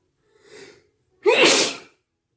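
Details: Wet sneeze: a soft intake of breath, then one loud, wet, explosive sneeze.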